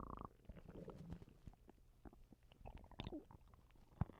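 Low gurgling and bubbling rumbles from the abdomen with a few squeaky gas sounds: stomach rumbling (borborygmi), gas and fluid moving through the gut.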